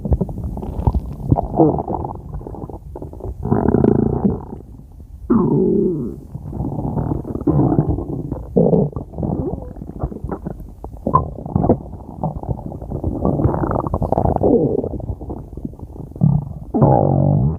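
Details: Ordinary stomach growling: long, low gurgling and rumbling from the abdomen as gas and fluid move through the gut; borborygmi.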